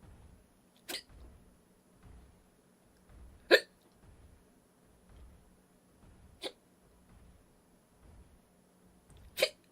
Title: Korean girl on Twitch with rapid hiccups 딸꾹질